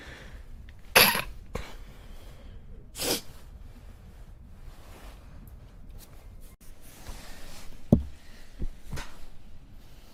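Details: Young Chinese woman with allergy: two sharp, wet sneezes in a quiet room, then a few softer sniffs and snorts; allergic sneezing.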